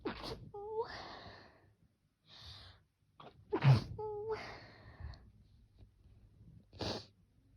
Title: Sneezing pt6 sniffles